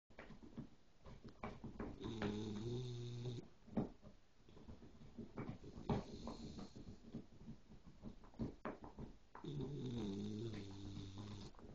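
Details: Sleeping dog: two long, deep, rumbling snores about seven seconds apart, with snuffly breathing noise between them; snoring.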